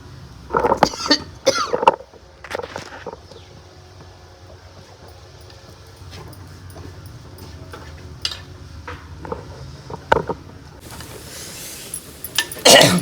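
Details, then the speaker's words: Irritant cough from chili-powder fumes while frying spices in a kitchen: two or three short, harsh cough bursts amid sizzling. "പൊടിയോട് ഇടുമ്പോൾ നമ്മളിങ്ങനെ ചുമയ്ക്കുമ്പോൾ ഏകദേശം നമുക്ക് മനസ്സിലാവും അത് മൂത്തുണ്ട്."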